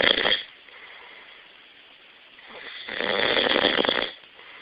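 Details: Snoring: two loud, rough, rattling breaths about three seconds apart, separated by quiet.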